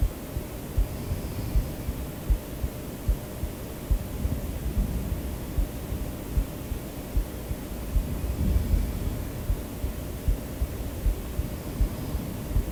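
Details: Person's own recorded heartbeat used in a sleep-aid track: soft, regular low thumps at about 78 a minute under steady white-noise hiss; ordinary heartbeat.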